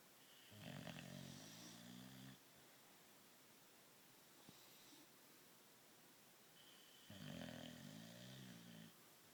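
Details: English bulldog asleep: two long, low rattling snores on the in-breath, about 6 seconds apart, with quiet breathing between; ordinary snoring.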